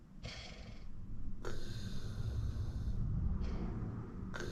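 Loud, rough breathing noises with a rattling, snorting quality during sleep; snoring.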